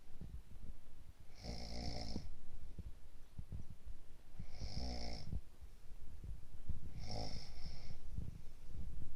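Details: Woman with a cold snoring loudly: three rattling, vibrating snores on the in-breath about every three seconds, steady low room noise between.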